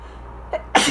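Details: A short catch of breath, then a sharp explosive sneeze over low room hum; sneezing during an allergy fit while reading aloud.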